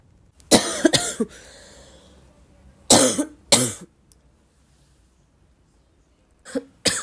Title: congested barking cough